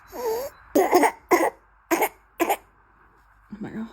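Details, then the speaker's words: Young child, amid a COVID-19 surge, gives four harsh, hoarse cough bursts: barking cough of croup. "如果说宝宝出现了咳嗽，特别是出现这样的声音，你仔细听一下。"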